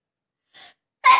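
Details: Single sneeze in a self-sneezing challenge: a soft breathy intake followed by one sharp, loud sneeze burst.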